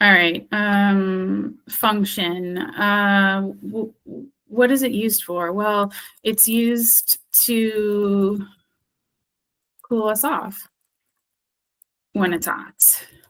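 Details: Acted: speech-language therapist role-plays expressive aphasia after stroke, unable to retrieve a target word and describing it by function, category, location and appearance (semantic feature analysis); word-finding difficulty (anomia) with circumlocution.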